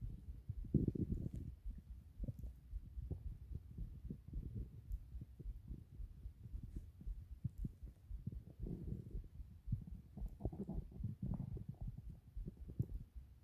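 Irregular low gurgles and rumbles with short bubbling bursts: normal stomach growling from gut movement.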